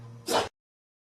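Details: A baby panda sneezes once, a short, sharp, breathy burst followed by abrupt silence.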